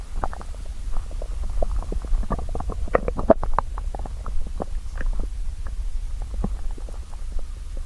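Continuous low rumbling with many short gurgles and pops: stomach growling from hunger, a normal finding.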